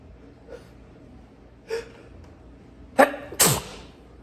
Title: Long sneezing fit.